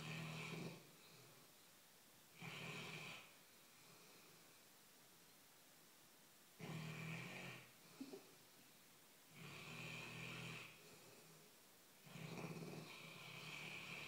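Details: Loud, regular snores from a sleeping dog, about five over fourteen seconds, with quiet pauses between; dog snoring.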